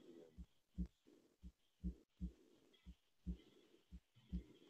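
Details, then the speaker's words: Very soft diastolic decrescendo murmur beginning right after S2, following S1: aortic regurgitation murmur. "so you can see that the murmur you know hits s1 and the murmur starts right at right after s2 and it's a uh decrescendo that's what you're worried about a decrescendo mermaid"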